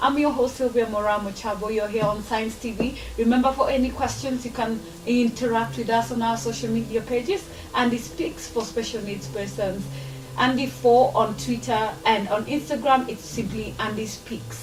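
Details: Adult woman, presenter; Ordinary speech.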